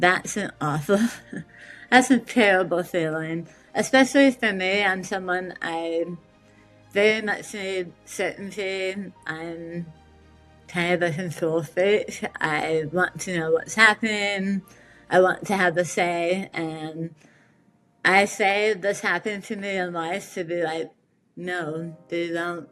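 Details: Adult woman with metastatic squamous cell carcinoma of the tongue, misdiagnosed for about five months; after a 12-hour surgery removing 70% of her tongue, reconstruction, radiation and chemotherapy, she relearned speech with a speech therapist: articulation impairment after partial glossectomy.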